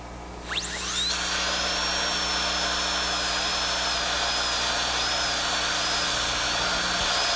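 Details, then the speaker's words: High-speed dental handpiece whine cutting tooth during proximal slice: burr penetrates buccal surface of a child's mandibular left second primary molar (gross caries, rubber dam, stainless steel crown prep), moving lingually to remove proximal enamel without damaging adjacent tooth. "Penetrate the buccal surface. Move the burr lingually a little at a time in order to remove the proximal enamel without damaging the adjacent tooth."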